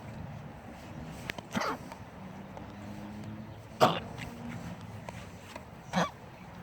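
A dog gives three short, harsh, honking coughs spaced a couple of seconds apart.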